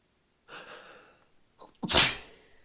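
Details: An adult has a sneezing fit after drinking alcohol; drinking often triggers such fits for no clear reason: paroxysmal sneezing.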